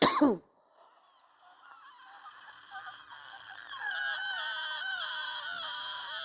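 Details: Wheezing with influenza A: a brief cough, then sustained high musical whistling tones during breathing from narrowed airways.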